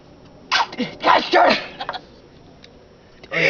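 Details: Person having a sneeze attack while carving a duck from soap on a work break at a Scout reservation in Bastrop, Texas: a quick run of forceful, repeated sneezes amid laughter.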